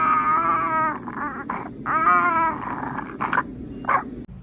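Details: Infant who had a cardiac arrest at 11 days old and made no sound for a month afterwards cries in two long, strong wails separated by short breaths, followed by brief fussy whimpers.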